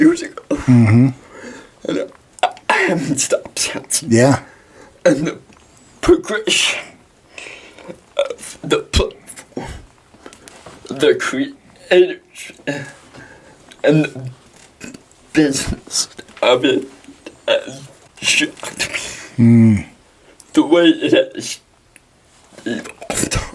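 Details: Dysarthria in a 23-year-old man with cerebral palsy, speaking in a podcast interview.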